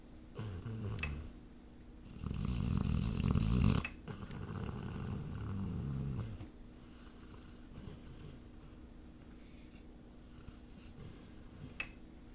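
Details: A sleeping dog, Burt, gives a couple of rough, fluttering snores, then quieter breathing; snoring.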